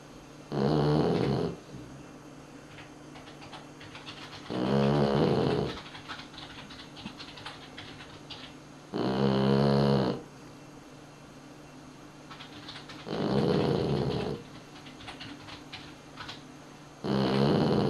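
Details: Sleeping dog snoring: regular rough, fluttering snores of about one second, roughly every four seconds, about 15 breaths a minute.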